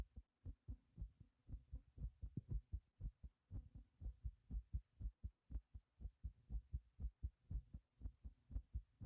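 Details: Heart pumping after lifting a heavy object; fast, strong, regular heartbeat at about 120 beats a minute, a normal rise in rate after exertion.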